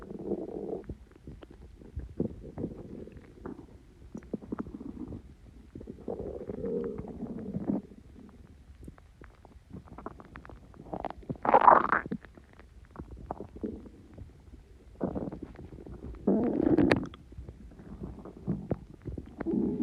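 Repeated low gurgling growls and bubbling rumbles from the abdomen, some louder and higher-pitched; ordinary stomach growling from gas and fluid moving.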